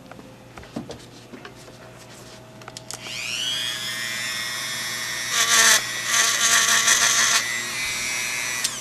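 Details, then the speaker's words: Dental adjustment of an intraoral appliance for a Tourette's/movement disorder patient, lowering the left side where he bites harder; grinding of the appliance during fine-tuning. "you can see how he's hitting much harder on the left side than the right side so I'm going to lower this left side here"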